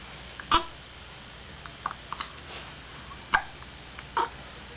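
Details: Young boy with recurrent hiccups: three abrupt, short catching sounds a few seconds apart against quiet room noise.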